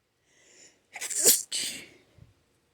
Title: 8 sneezes